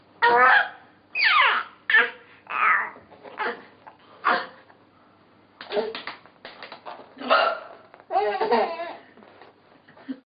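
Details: Mother's hiccups: sudden, sharp, voiced catches mixed with repeated laughter in a small room.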